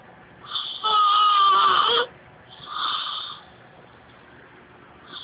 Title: Have you ever heard someone snoring like this?